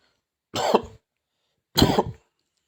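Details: Cough: two separate harsh, moist-sounding coughs about a second apart in a quiet room.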